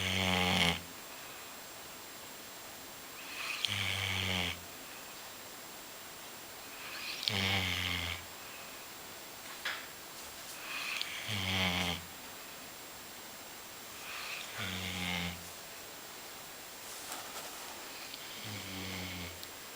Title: Golden Retriever - Sleeping and snoring dog